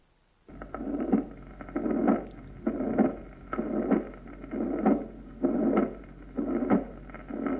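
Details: Regular heartbeat near 63 a minute with a long blowing murmur filling each systole; mitral regurgitation systolic murmur.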